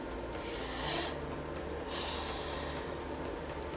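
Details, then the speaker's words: Normal clear breath sounds demonstrated by a nurse: a deep, smooth breath in and out with no crackles, sputum or diminished sounds. "You can literally hear this in someone's chest. That is called a clear breath sound."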